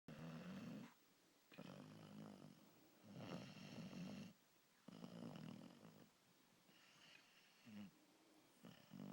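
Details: Exhausted dog asleep on a sofa, snoring like a chainsaw: rhythmic rattling snores, about eight breaths in nine seconds, each inhalation vibrating loudly.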